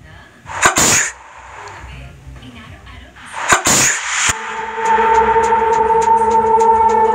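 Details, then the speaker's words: Sneezing in a laboratory experiment on how far sneeze and cough droplets travel, filmed with a high-sensitivity camera: two forceful sneezes, each with a sharp inward breath first; a large droplet about 1 mm across quickly falls. "the experiment starts first sneezing we can see a large droplet about one millimeter in diameter it quickly falls"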